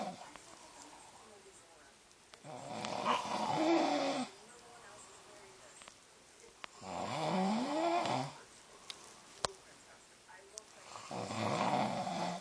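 Three loud, rough, rattling snores at about 14 breaths a minute, with quiet gaps between them and faint room noise. Typical snoring.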